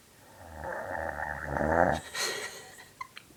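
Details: Loud rattling snore on the in-breath, then a brief airy out-breath, from the recorder's mother sleeping: snoring.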